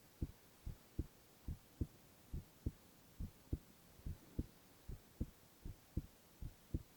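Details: Male ASMR recording of heart sounds alone, without speech: steady paired low lub-dub thumps at about 70 beats a minute, quiet background, regular heartbeat; normal heart sounds.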